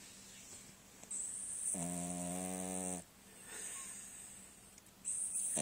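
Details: Sleeping dog: one drawn-out, buzzing, tonal snore on an in-breath over steady background hiss; snoring.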